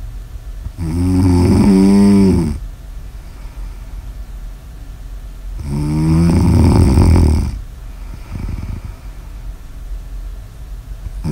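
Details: Snoring ASMR audio recording: two loud, rattling snores on the in-breath with quieter out-breaths between, about 12 breaths a minute; ordinary snoring.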